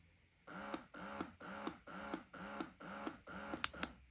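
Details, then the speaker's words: Rhythmic motor pulses, about two a second, each a short whirring draw ending in a click: a wireless hands-free BabyOno electric breast pump, power adjustable 1–7. "має три режими перший це режим зціджування можна виставляти потужність і до одинички до семи"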